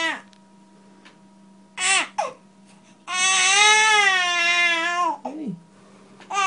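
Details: Short fussy whimpers, then a sustained wailing cry from a newborn boy during a chiropractic adjustment in his mother's arms, with a steady background hum; an ordinary infant cry.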